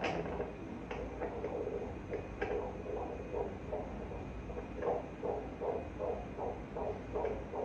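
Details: Rapid, regular whooshing pulses, roughly 150 a minute, on an ultrasound monitor at a five-month pregnancy check-up to learn the baby's sex: fetal heartbeat.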